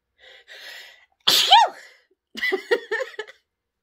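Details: Adult woman's pepper-induced sneeze: two quick intakes of breath, then a sharp, forceful sneeze with a rising vocal 'choo', followed by a few short voiced sounds.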